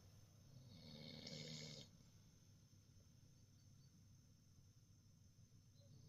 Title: Bavarian mountain hound snoring